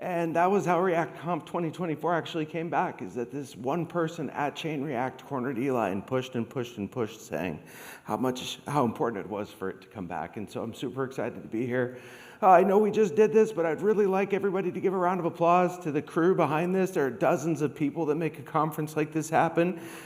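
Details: Adult man with degenerative, permanent neurological spasmodic dysphonia caused by long COVID, once reduced to a whisper, treated with Botox injections into the vocal cords, speech therapy and laryngeal manipulation; spasmodic dysphonia.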